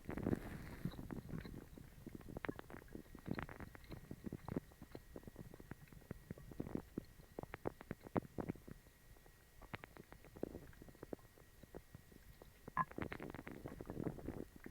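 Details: Stomach growling after eating dog treats, which caused a bellyache and ran right through the person: ongoing gurgling and rumbling with bursts of bubbling and popping, active bowel sounds (borborygmi).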